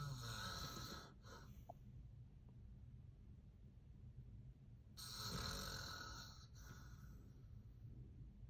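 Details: Adult man (the filmer's father) snoring: two loud, rough snores about four seconds apart, with a low rattle and hissy edge over steady room noise; typical adult snoring.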